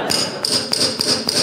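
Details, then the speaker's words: Hip replacement demonstration: repeated sharp metallic hammer taps, about four in just over a second, seat the trial acetabular socket until it feels stable against the anterior and posterior bone columns. "what you do is you tap this in until you get a feeling of uh stability and the the trial makes contact with this column of bone at the front and the column of bone at the back"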